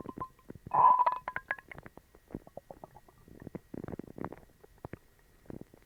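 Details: Stomach growling (borborygmi) in a person with a bellyache and loose bowels after eating dog treats: short gurgles and squeaky rumbling bursts, with one louder whining growl near the start.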